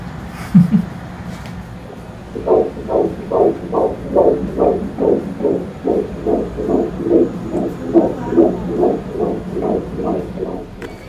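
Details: Fetal heartbeat on a routine ultrasound at 16 weeks of pregnancy: rapid, regular whooshing beats at about 140 a minute, a normal fetal heart rhythm.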